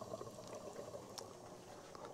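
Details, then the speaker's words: Oxygen humidifier bubbler on a high-flow nasal cannula set at 5 liters per minute; steady gurgling bubbling of water as oxygen flows up through the bubbler, the expected sound of a working unit. "so what's happening now the oxygen is going down the flow meter down the back here into the bottom of the bubbler bubbling up and you can tell there's a really nice bubbling sound"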